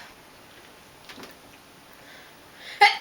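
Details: Young woman sneezing on demand, trying for several in a row, with no pepper or allergen present and no allergies: quiet room, a faint inward breath, then one short, sharp, explosive sneeze.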